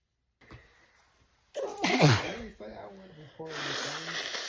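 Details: Black woman with a repeated sneezing fit, tagged as allergic rhinitis, edited into a looped 8½-minute clip: a snort and sharp sneezing bursts, then a short voiced exclamation, amid throat clearing.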